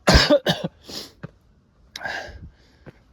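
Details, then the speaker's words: A burst of harsh coughs, then a throat-clearing cough, from a tired adult hiker climbing stairs on a steep mountain trail in 34°C heat with water running low; sudden coughing, quiet outdoor background. "여기가 제일 힘든 코스인데 막 기침도 나고 지금 물도 떨어져 가고"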